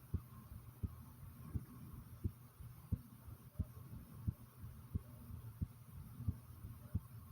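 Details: Regular soft heartbeat thumps at about 90 beats a minute over faint low stomach rumbling, both recorded together from the same person; ordinary heartbeat.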